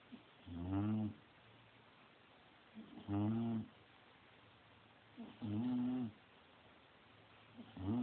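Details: Sleeping bulldog with loud, rumbling snores at about 25 a minute, each a long rasping vibration with quiet pauses between: snoring.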